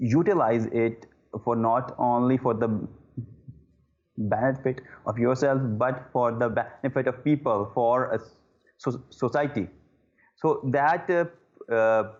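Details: Adult male who stammers, with repeated 'uh' disfluencies: stuttering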